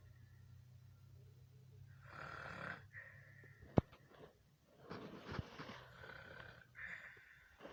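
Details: Ordinary snoring: loud, rattling snores on each breath in, with quieter breaths out between them.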